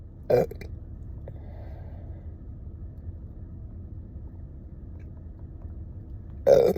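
Two deep, low burps, one at the start and one at the end, with quiet room noise between them.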